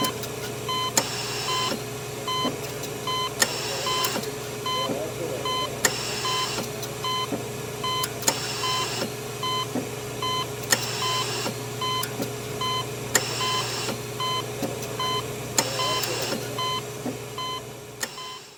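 Rhythmic monitor beeps about 25 a minute over a steady machine hum with cycling hiss, like a ventilator; sound-effect recording.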